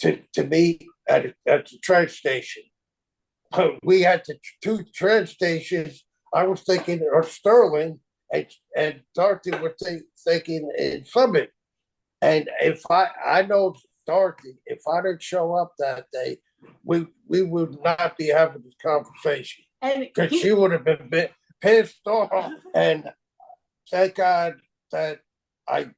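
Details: Aphasia caused by stroke in a man 25 years after the stroke.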